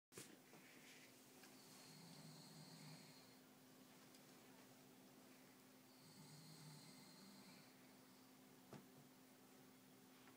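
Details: Snoring in an adult man (an uncle) while asleep: two soft, whistling, hissy snoring breaths over a steady room hum, roughly 14 breaths a minute.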